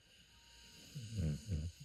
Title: Dog snoring 😴 snoring sounds